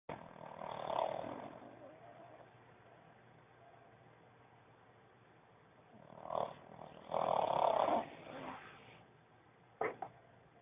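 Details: Pug dog snoring in his sleep: irregular snorting, rattling snores with snuffling breaths.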